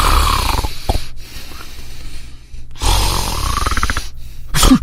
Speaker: that's the sound of sleep apnea